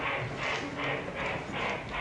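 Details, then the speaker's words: Fast, regular whooshing pulses at about 150 a minute, an 18-week fetal heartbeat recording played from a toy bear's speaker into a microphone: fetal heartbeat. "Now, Senator, if you could push the bear, we want it as an 18-week baby's heartbeat of an unborn baby at 18 weeks."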